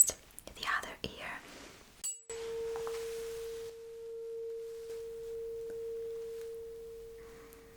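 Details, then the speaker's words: Simulated hearing exam roleplay: a struck tuning fork placed behind the ear gives a steady pure ringing tone that slowly fades, after soft handling sounds; listener reports when the vibration is no longer heard. "Well, so I will put it right behind your ear and you will let me know when you cannot hear the vibration, the sound anymore."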